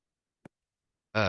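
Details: Simulated voice (synthesized sustained vowel); vocal tremor (pitch modulation).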